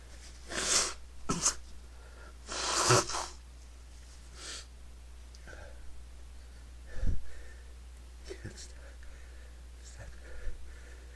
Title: sneezing 2 (m)